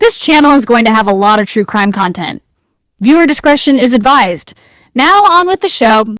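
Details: Adult female narrator; typical speech.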